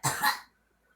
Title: girl coughing